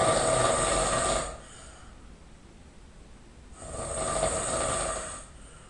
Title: King of Snoring - Part 1